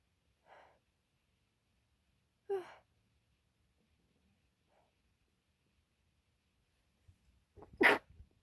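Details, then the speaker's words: Three short sneezes of rising force, the last loud and explosive, with quiet pauses between, from an adult who says they cannot stifle them, with lots of spray, while talking casually on camera. "oh my gosh I cannot stifle these oh my gosh"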